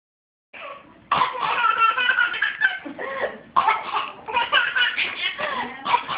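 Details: Playful forced coughs from a child (older sister), followed by a baby's hysterical bursts of laughter; voluntary, acted cough.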